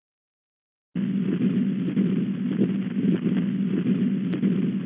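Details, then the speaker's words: Teaching recording of the continuous machinery murmur of patent ductus arteriosus: a rough, coarse, rumbling murmur running through the whole cardiac cycle from systole into diastole, best heard just below the left clavicle. "it's very rough course and it's it it traverses the entire um um cardiac cycle from systole to diastole and you hear kind of a continuous very rough machine like like murmur"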